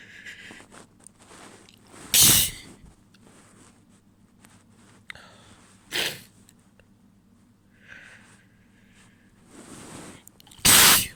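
Three wet sneezes, one shorter and partly held back, with sniffs and quiet breathing between them.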